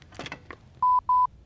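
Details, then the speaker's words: Medtronic LIFEPAK automated external defibrillator being switched on during AED training: a soft click, then two short identical steady beeps, the normal start-up signal. "set the life pack AED on the same side of the patient as you press the onoff"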